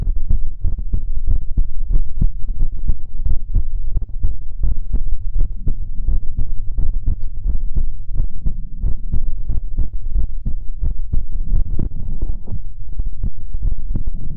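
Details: Steady, regular low thumping heartbeat recorded close to the chest, with no added sounds; a heartbeat.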